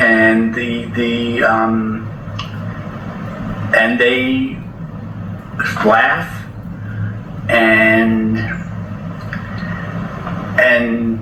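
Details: Man seven years after a stroke with mild Broca's aphasia, comprehension intact; Broca's aphasia (non-fluent speech).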